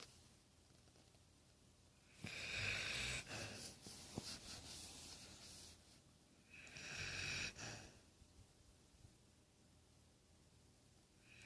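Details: Two loud, rough, fluttering breathing sounds, about 14 a minute, against a quiet room; snoring.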